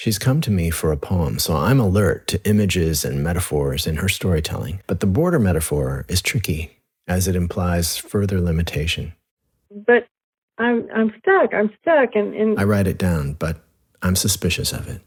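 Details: Adult male narrator, with a brief second recorded voice; Ordinary speech.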